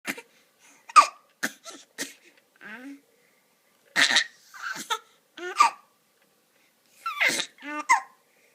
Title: Hiccuping, coughing, laughing & talking all at the same time - 5.75 months